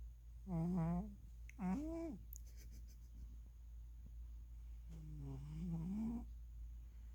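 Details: A sleeping cat gives loud, wavering, tonal snores on its breaths during a nap, with a steady low hum in the room: snoring.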